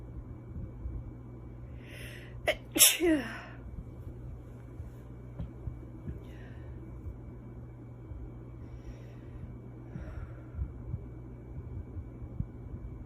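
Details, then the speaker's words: Woman stifling sneezes, with a quick breath in, then two short muffled closed-mouth sneezes, while saying her makeup is running and she is sneezing hard; a stifled sneeze. "Oh boy. Oh. Makeup is running. I'm sneezing so hard."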